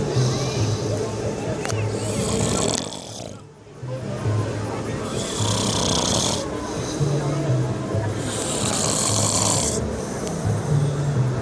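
Loud, rough snoring repeats every few seconds, with harsh rattling on each breath in over steady background noise, possibly faint music.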